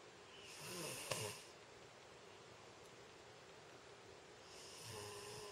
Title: Snoring Me :-)